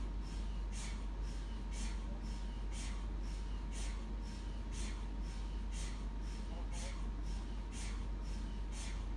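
Steady rhythmic knocking pulses, about two a second, over a constant low hum and a faint steady tone: typical MRI scanner sound.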